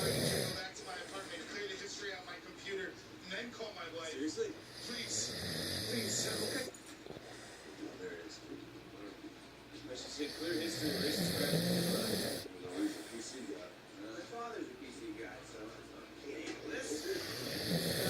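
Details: Man snoring until he wakes himself up: irregular rough snoring breaths with snorting bursts over steady room noise; snoring.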